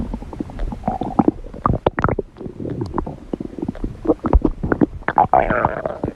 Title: Red Panda Owen's Cute Stomach Growl